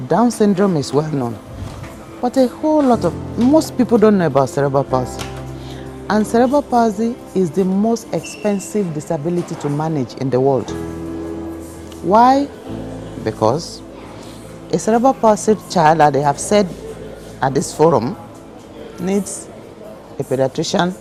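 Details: Adult speaker with background music; ordinary speech.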